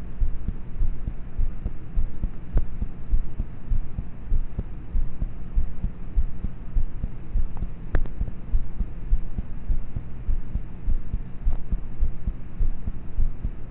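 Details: Heartbeat of a person about thirteen, recorded at night in bed with a cheap mp3 player microphone on the chest: quiet, muffled thumps at roughly 100 beats a minute under steady hum; low-quality recording.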